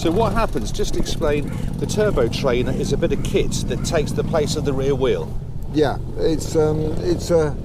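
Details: Adult male speaker; Typical speech.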